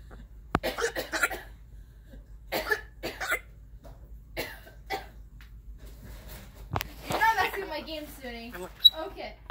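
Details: An African grey parrot gives several short, breathy, cough-like bursts, mimicking the owner's daughter's coughing: imitated cough, parrot mimicry.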